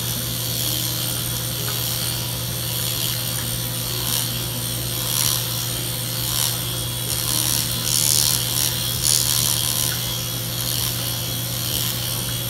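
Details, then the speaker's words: Steady mechanical buzzing and rattling with rapid reciprocating pulses and suction hiss: MicroAire power-assisted liposuction device removing fat from a numbed pubic area of an awake, lightly sedated woman after her abdomen was done. "i like to use a special instrument it's a power device called the micro air because as you see i can work very very gently in this area without causing as much trauma or pain for the patient"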